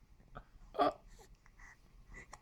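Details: Hiccups in a three-month-old baby boy, possibly from drinking milk too fast: a brief sharp vocal catch with soft breathy sounds around it.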